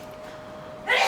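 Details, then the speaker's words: Quiet room with a faint steady hum, then near the end a sudden sharp burst of air from a pet dog: a sneeze; repeated sneezing follows. "Peggy's sneezing, can you hear her?"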